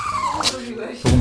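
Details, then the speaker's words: Dog with an itchy nose sneezing unusually: a brief high-pitched nasal sound, then a quick snorting sneeze, faint voice in background. "특이하게 제책기하는데 또다시 코가 간질간질"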